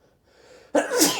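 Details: A quiet indrawn breath, then one sudden loud explosive sneeze: an adult man in a strong sneezing fit set off by a strong, burning substance.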